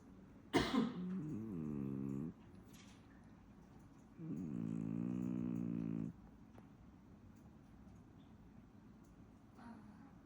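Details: A Nebelung cat: two drawn-out, low, rattling buzzes about three seconds apart, each lasting one to two seconds, with quiet breathing between them. Cat snoring.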